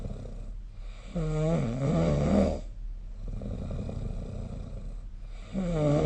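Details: Loud, low rumbling snores recorded with the SnoreLab app during sleep, with a pitched, vibrating quality on each in-breath, roughly four seconds apart, separated by quieter breathing.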